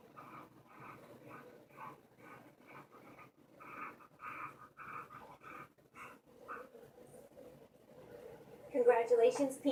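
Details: Boxer rescue dog (over a hundred pounds) snoring, presented at a rescue dog show: fast, steady run of noisy rough snoring breaths, about three a second; background voices at the end.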